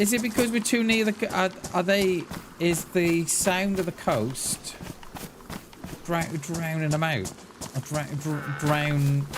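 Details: Adult male streamer who says his stutter is bad today; stuttering.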